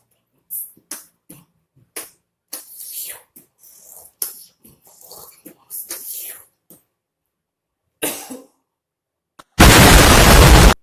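A run of short, sharp coughs, a dozen or more bursts in irregular clusters, ending with a loud burst of noise.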